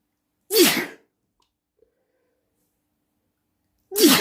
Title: Loud sneezing at night